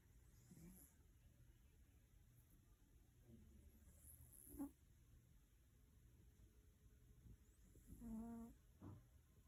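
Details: A sleeping cat snoring in a quiet room: soft, irregular breathy snorts with one brief tonal snore.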